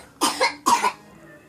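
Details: A child told to sit down and rest gives two short coughs, each with a double burst, in a quiet room; cough.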